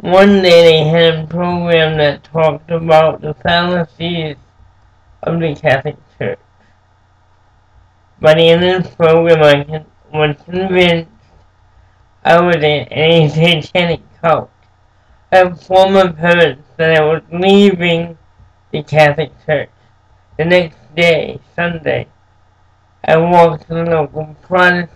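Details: Dysarthria in an adult man with cerebral palsy since birth, who says it makes him move and speak differently.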